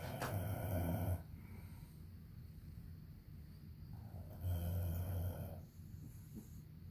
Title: More Hubby snoring!